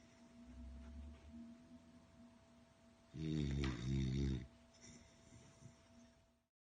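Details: Sleeping female beagle snoring: one loud, rumbling, human-like snore with softer breathing before and after over a steady background hum.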